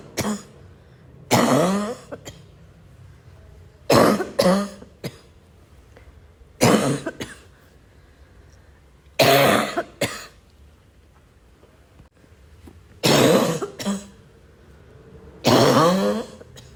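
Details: An adult gives six harsh, barking coughing episodes, some doubled, with a tight, faintly whistling quality, among repeated throat clearing: barking cough with wheeze.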